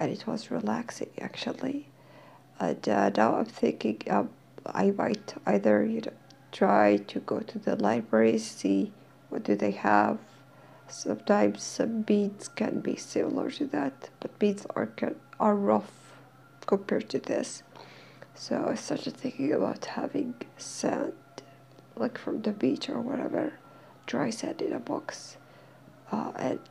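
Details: Dysphonia in a female speaker who is in therapy and slowly regaining her voice; she says she is hard to understand.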